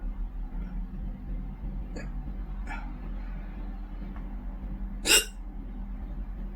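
Three short abrupt catches, the last loudest, over a steady low hum; hiccups.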